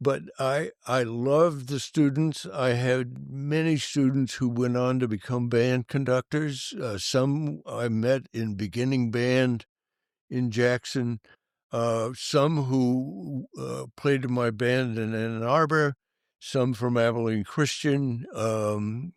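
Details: Adult male band director with stuttering, severe in youth and persisting; he says he still stutters, and an employer once called it a slight stutter. Finding: stuttering.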